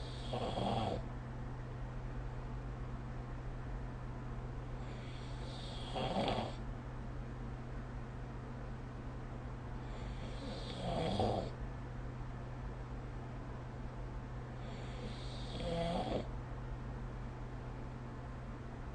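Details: Sleep snoring recorded with the SnoreLab app: four rough snoring breaths about five seconds apart, roughly 12 a minute, over a steady low hum; ordinary snoring.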